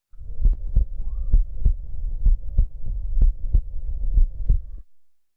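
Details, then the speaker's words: Cardiac auscultation in a clinical case discussion (pericarditis friction rub sought, spontaneous pneumothorax suspected, reduced right breath sounds): regular heartbeat near 64 per minute, normal-intensity first and second sounds, no murmur or rub; normal heart sounds. "o que vocês acharam ausculta cardíaca dele a agulha estavam rítmicas normofonéticas um médico nós tem algum sopro não é muito bom"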